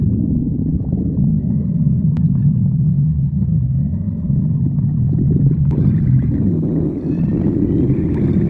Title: Hungary stomach growling